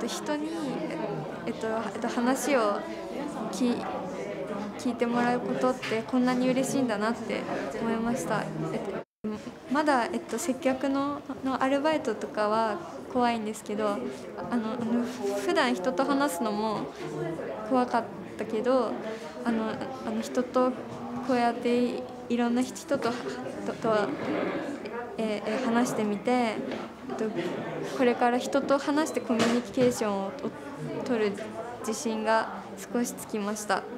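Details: Third-year female high-school student who stutters, with difficulty on certain sounds and on proper nouns and other words that cannot be paraphrased; stuttering.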